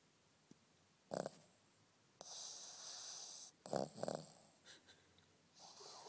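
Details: Pug sleeping with eyes rolled back, snoring: short snorts and a long, hissing, wheezy breath, typical noisy sleep breathing of a flat-faced dog.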